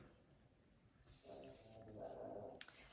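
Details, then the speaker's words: Snoring from a female that has been snoring all day; the owner suspects her allergies are bothering her. "snoring you will hear her a lot through this video she is she's been snoring all day her allergies must be bothering her"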